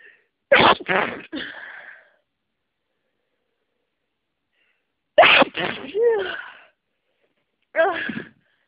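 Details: Very congested sneezing fit with a cold: three bursts of sneezing, with several explosive sneezes in quick runs separated by quiet pauses.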